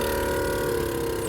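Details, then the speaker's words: Steady loud motor hum from an individual battery-powered portable suction device (aspirator) switched on in a casualty-evacuation pickup, used for facial wounds to clear fluids, blood and saliva from the mouth and airway. "включаю його він він не підключається до ніяких тут приладів спеціальних тому що в нього є батарейка зараз почне гучно"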